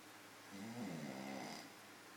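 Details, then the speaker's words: A single loud, drawn-out rumbling snore lasting about a second, with a vibrating, fluttering low tone in a quiet room: snoring. "snoring his heart out."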